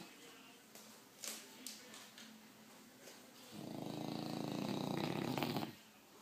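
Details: French Bulldog snoring loudly and at length while sleeping with his eyes open.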